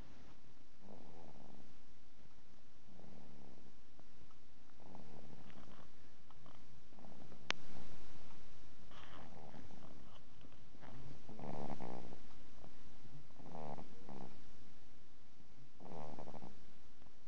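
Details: Sleeping cat snoring: soft, rhythmic rasping breaths about every two seconds, roughly 30 a minute, over steady room noise.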